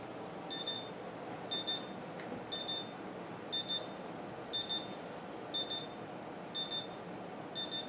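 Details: Simulated respiratory-therapy scenario with a wheezing patient who can't breathe; saturation reads about 50 to 60 percent, low. Paired high-pitched electronic beeps about once a second: a pulse oximeter alarm signalling low oxygen saturation.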